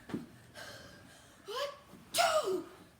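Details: Quick voiced gasping in-breaths build up and end in a loud sneeze-like burst during a sneeze challenge; gasping before a sneeze.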